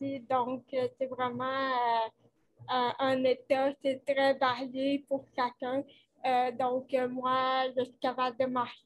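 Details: Dysarthria with cerebral palsy in a 29-year-old woman, caused by lack of oxygen at birth; she appears to mention speech difficulties; real conversational French speech.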